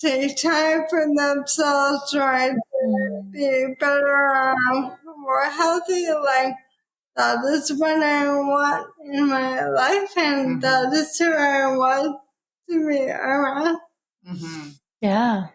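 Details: Dysarthria in an adult woman with probable ALS, diagnosed in 2014 at age 33 after rapid onset (half Ironman to needing a cane within six months); about ten years since diagnosis; real speech.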